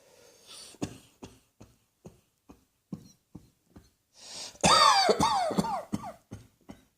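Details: A rapid run of about fourteen short dry coughs, broken by one hissing in-breath, then louder, strained, voiced coughs: a repetitive coughing bout.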